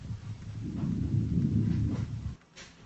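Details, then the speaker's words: Stethoscope auscultation over the lower back along the scapular line, 8th–9th intercostal spaces, right then left; soft, low rustling breathing: normal vesicular breathing, symmetric on both sides, no adventitious sounds. "мы можем сделать заключение что приускультации в симметричных точках выслушивается везикулярное дыхание одинаковое с обеих сторон"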